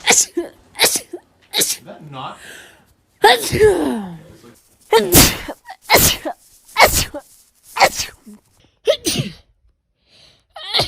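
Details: A rapid run of about ten sharp, explosive sneezes with short gasping in-breaths between them, from a compilation of one person's rapid repeated sneezing.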